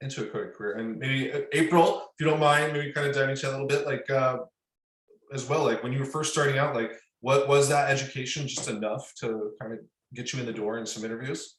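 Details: Adult male speaker; typical speech.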